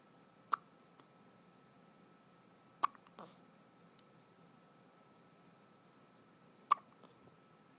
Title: baby hiccups